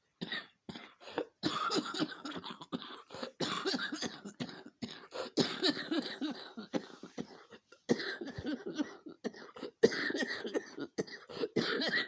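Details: Repeated short coughs and throat clearing in a quiet room, about thirty bursts a minute, as someone tries to suppress a coughing fit after coming indoors from a dog walk with some jogging; cough.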